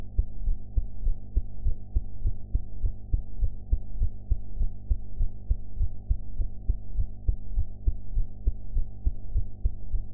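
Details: Heart sounds recorded after eating, sound quality enhanced; steady, rapid low thumping heartbeat at about 100 beats a minute under a constant hum, regular rhythm.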